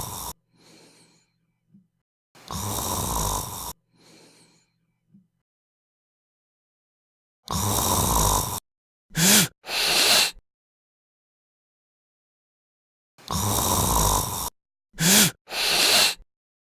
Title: Snoring Sleep Apnoea with Sound